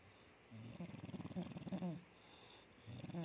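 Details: English Bulldog snoring.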